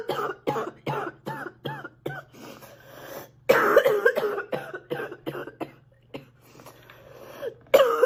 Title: sick girl coughing a lot ❣️